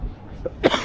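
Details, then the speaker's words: Adult traveller sick in cold weather with a worsening cough and body aches, outdoors: a single short, harsh cough after a quieter stretch of outdoor background noise; cough. "sapora this cough is so yeah going to go to family want by some I most likely won't go out to eat today"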